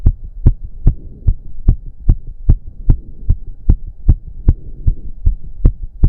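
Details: Male during a roughly 15-minute intense cardio workout, with heavy breathing. Loud, regular, pounding heartbeat of about 150 bpm over a low hum; reported close to 200 bpm. Sinus tachycardia.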